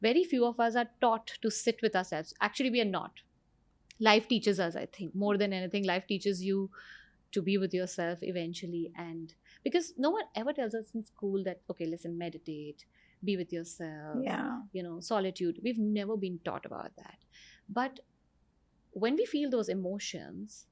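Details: Adult female speaker; Normal speech.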